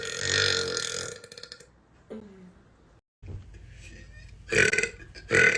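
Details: Tattooed girl doing massive deep belches: several loud voiced belches separated by pauses, the longest first and two short ones at the end; repeated burping.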